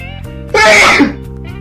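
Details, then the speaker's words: Girl who says she thinks she is coming down with a cold: one loud, abrupt sneeze with a short burst of air over soft background music. "excuse me guys I think I'm coming down with a cold unfortunately this one is in mauy glow I'll SWAT this one too sorry"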